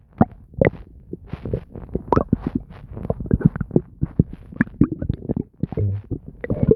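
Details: Nonstop stomach noises: frequent bubbling and gurgling pops with low rumbling running almost continuously, typical active bowel sounds (borborygmi).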